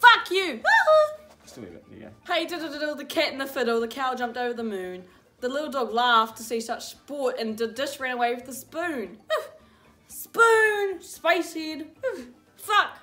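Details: Teenager with Tourette syndrome reading a nursery rhyme aloud: involuntary vocal tics intruding on the reading.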